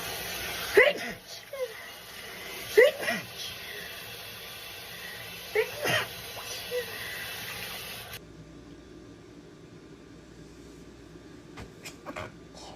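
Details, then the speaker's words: Girl sneezing: several sharp explosive sneezes with brief intakes before them, spaced a few seconds apart, over room noise. "Finally got some more sneezes for you guys."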